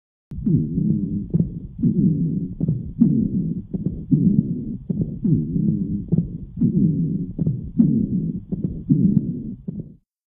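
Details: Rapid breaths on stethoscope lung auscultation with a repeated musical, multi-toned wheeze in bronchiolitis.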